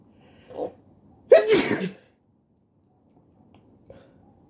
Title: Sneezing while sitting on the floor